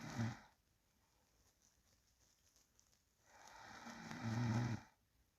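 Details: Real recording of a sleeping person: quiet sleep breathing with two soft, low, rumbling snores and a calm pause between; light, ordinary snoring.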